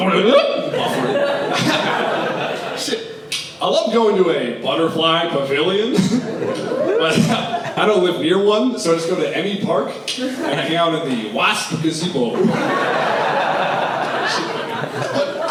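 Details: Adult male stand-up comedian with Tourette syndrome, who also has motor tics (shaking) and a sniffing tic, with vocal tics including involuntary cursing during his set; vocal tics (Tourette syndrome).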